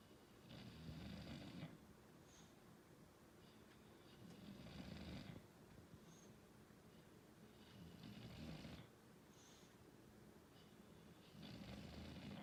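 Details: English Bulldog snoring: slow, regular rattling snores on each breath, about four breaths in twelve seconds, in a quiet room; typical dog snoring.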